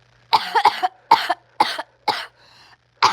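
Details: Adult in a prolonged coughing fit lasting minutes while trying to record a video, interrupted by throat clearing: a rapid run of about five sharp cough bursts, some doubled.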